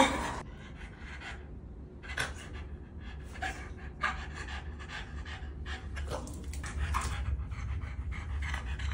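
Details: Soft, steady panting with little snorting or rasping over a low background hum; quieter breathing from Odin, a flat-faced dog, after BOAS laser airway surgery.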